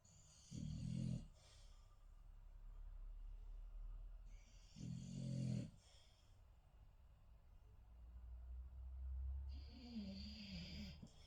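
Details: Sleeping dog snoring: short, low, rumbling, irregular snores with breathy hissing between them in a quiet room.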